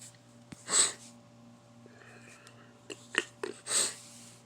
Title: I Just Woke Up Sneeze